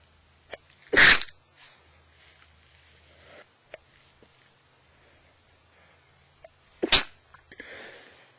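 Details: Wet sneezes, two sharp bursts seconds apart with quick in-breaths and faint sniffing between, recorded in bed on waking with a fully blocked nose from a cold; the stifled sound comes from congestion, not deliberate suppression.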